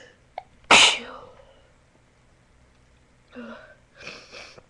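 A short breath in, then one sharp explosive sneeze, followed by quiet breathing sounds; a single ordinary sneeze.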